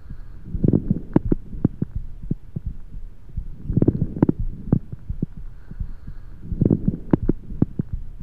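Breath sounds with repeated low, bubbling pops through each breath, the pattern of coarse crackles.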